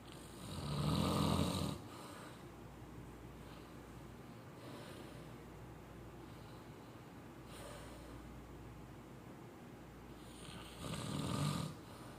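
Two loud, rattling low snores about ten seconds apart, with quieter breathing between them in a small quiet room; ordinary snoring.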